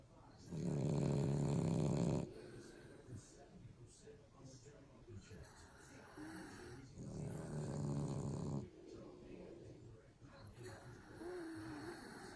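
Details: Two loud, rough, vibrating snoring breaths about six seconds apart, with quieter breathing between, from very tired sleepers; snoring in sleep.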